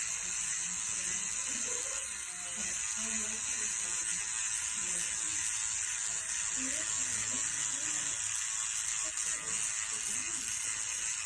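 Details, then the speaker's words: Microneedling pen with 12 small needles making tiny abrasions across a woman's skin to stimulate collagen, moved up, down and side to side during her first procedure; a steady high-pitched buzzing whir, with faint room noise. "what's the pin doing right now so what it's doing is there are 12 little pins inside the head of this pin and it goes in and it basically makes little abrasions all the way across her skin"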